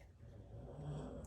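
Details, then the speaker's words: Pet dog asleep in a craft room snoring, heard in the background during talking. "my dog is snoring over there can you hear him"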